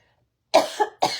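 An adult gives a brief, sharp cough followed by a second short burst in a quiet room.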